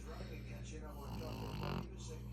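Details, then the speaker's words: Sleeping pug, a male flat-faced dog lying comfortably: steady, low rumbling snore with a continuous nasal, snorting quality; loud snoring. "that's the loudest snore for a small ugly face or a c face"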